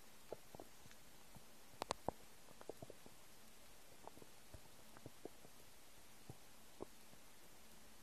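Faint, scattered gurgles and squeaks over quiet hiss; ordinary bowel sounds of an empty stomach.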